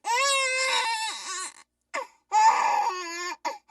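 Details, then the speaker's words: Infant crying recorded inside a NICU incubator environment with monitor alarm, people talking and incubator air noise: two loud wailing high-pitched cry bursts with short catches of breath. "what you're hearing is the noise inside of an inator so that noise a constant heart monitor alarm under babies crying people talking"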